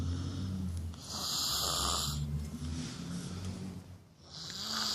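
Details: Sleeping woman giving loud, rough, rattling snores on inhaled breaths, with low fluttering noise and hissy airflow between; ordinary heavy snoring.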